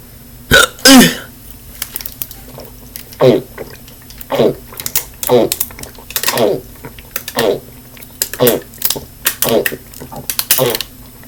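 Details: Hiccups.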